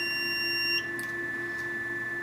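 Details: Venus Viva radiofrequency skin-rejuvenation handpiece during a full-face treatment at the jaw line and cheek, with even pressure and the button held down. A steady high tone stops abruptly, then a device hum continues; the tone signals a completed pulse.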